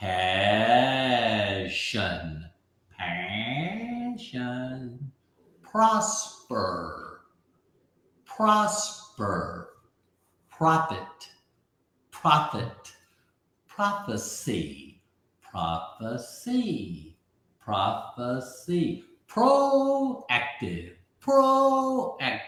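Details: Aphasia in a man after a stroke at age 62, about 15 months earlier; initially unable to read, write or talk, saying only 'one' for a month, he relearned speech syllable by syllable, with jumbled words at first.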